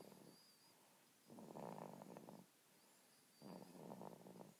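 Soft, rattly, purring breaths repeating about every two seconds, roughly 28 a minute; infant snoring.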